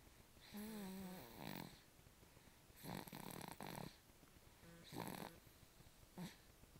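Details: Sleeping baby: quiet, irregular breaths with a soft rattle and a brief squeaky, whistling tone; snoring.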